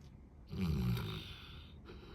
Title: Dog Snores like a Human when sleeping